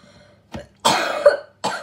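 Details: A short throat-clearing sound followed by two loose coughs from a sick child in a quiet room.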